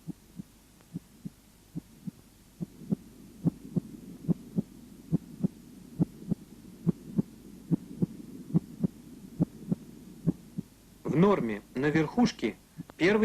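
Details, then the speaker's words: Heart auscultation at the apex: regular paired normal heart sounds near 70 a minute, first sound louder than the second. "громче второго первый систолический тон состоит из нескольких компонентов клапанного мышечного и сосудистого"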